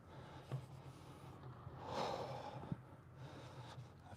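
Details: A horse that is sore, likely after a recent barrel race, gives a deep, breathy snort-like exhalation in a quiet room during a chiropractic session with shoulder stretches; it also has a twisted shoe.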